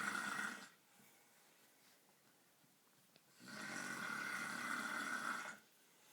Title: Snoring Husband!